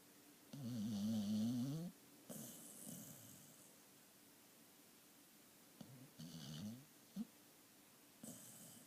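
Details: Lucy snoring while asleep, also running and eating in her sleep; loud vibrating snores on the in-breath, each followed by a soft airy out-breath, in a small quiet room.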